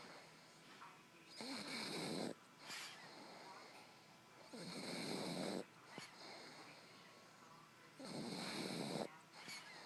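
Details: Regular, rough, fluttering snores on each breath, about 18 a minute, with soft snorts between: a dog snoring in sleep.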